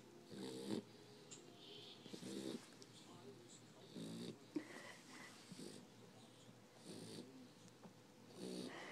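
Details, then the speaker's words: Soft rattling snores recurring about every two seconds, with a faint hiss between them; snoring while asleep. "She's snoring. Sure. We're snoring. She's still snoring. Not awake."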